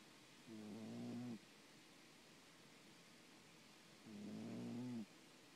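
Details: Two soft, whistling, nasal snores about four seconds apart, each lasting roughly a second, over quiet room noise; snoring.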